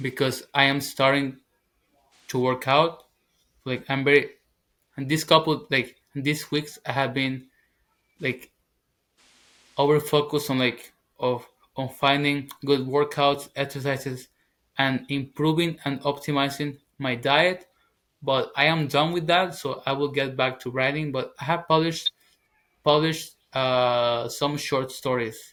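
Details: Stuttering in a 21-year-old man, a former covert stutterer who now stutters openly, speaking English as his second language.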